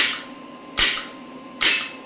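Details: Sharp, loud cracking pulses about once a second over a faint hum: an electromagnetic horizontal clinical-model shockwave therapy applicator firing on the elbow joint at 1 Hz, with energy raised stepwise from 5 to 55, stopping at 65.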